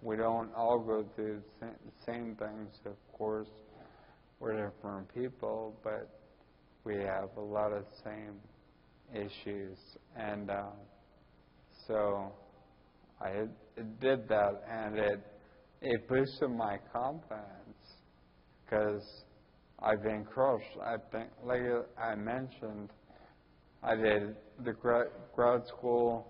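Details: Ataxic dysarthria in a 41-year-old man with Friedreich's ataxia diagnosed at almost 20.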